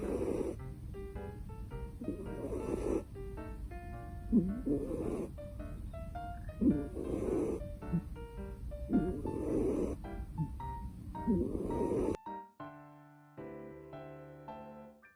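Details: Pet cat snoring loudly: rhythmic low snoring rumbles about every two seconds, mostly covered by loud background music that plays alone at the end.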